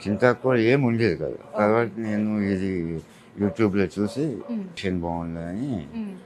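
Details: 48-year-old man with tongue cancer treated with surgery, lymph node removal and radiation; speech changed after the operation; altered articulation after tongue cancer surgery.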